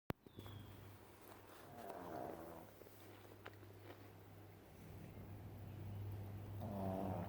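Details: Snoring: low, rumbling, fluttering breath sounds that rise and fall in slow cycles.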